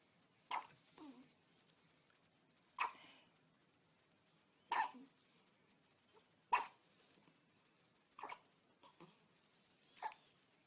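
Short, soft, abrupt catches repeat at about 30 a minute, some followed by a faint second sound. Newborn hiccups.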